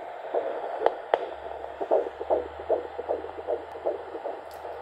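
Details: Fetal heartbeat at 15 weeks 2 days of pregnancy on Doppler: rapid, regular whooshing at about 150 beats a minute.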